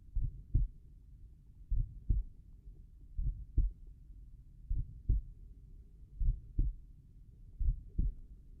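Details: Normal heart sounds heard at the tricuspid valve area, slow rate: a steady lub-dub at about 40 beats a minute with clear paired sounds and no added noises.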